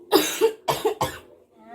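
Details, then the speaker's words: Role-played nursing effective-cough exercise to clear secretions: a nurse coaches an adult woman to breathe in using her abdomen, hold for 2 seconds, then cough twice. Three firm, deliberate coughs in quick succession after the deep breath. "Nanti kalau sudah tarik nafas ditahan dulu 2 detik, nanti akan saya instruksi untuk berhentinya. Kemudian Ibu batukkan 2 kali."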